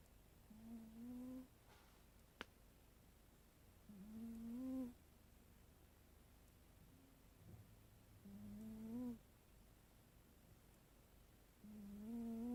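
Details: Sleeping cat snoring: soft, whistling, rising snores on each breath, about four in twelve seconds.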